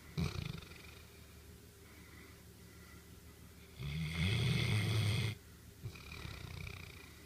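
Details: Old dog snoring a lot while sleeping: low, rumbling snore on a breath with soft snuffling around it.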